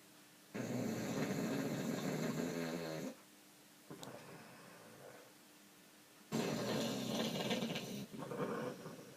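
Loud, rough, rattling snores, two long breaths with a quieter phase between, typical of a short-nosed dog snoring.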